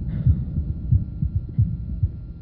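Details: Adult woman, stethoscope pressed firmly at the lower left sternal border, 1993 auscultation symposium: loud, regular low heartbeat thumps over a faint steady hum; normal heart sounds.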